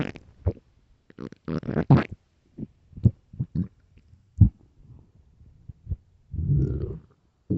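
Irregular low gurgles and rumbling bursts, ending in a longer growl; ordinary stomach growling from an empty stomach.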